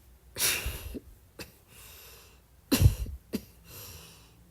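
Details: Soft cough at midnight: two soft coughs, each followed by a breath in, in a quiet room.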